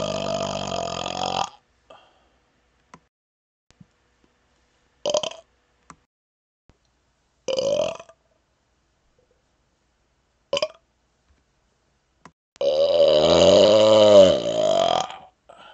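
Five loud, drawn-out belches separated by silence, the last one long and rolling; repeated burping.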